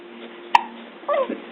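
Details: A single sharp, abrupt hiccup, then a brief voiced sound over quiet room noise.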